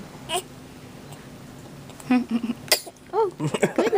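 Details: Infant girl held by her father, soothed after crying, gives a quiet, sharp sneeze followed by soft baby vocal sounds in a small room.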